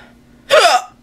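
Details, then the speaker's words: Hiccups after eating a raw slice of jalapeno pepper: a single sharp, loud voiced hiccup after a quiet stretch, likened to a strangled baby alligator. "oh man i have the worst hiccups ever i wonder if edwin's gonna hear me come in here and laugh at me hey i ate a raw slice of jalapeno pepper and um this is what happens to me so it kind of to me sounds like an alligator a baby alligator getting strangled"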